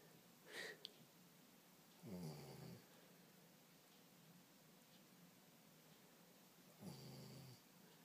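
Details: Soft, low snores every few seconds from a napping female Labrador, human-like snoring, with faint breathy sounds between against a steady background hiss.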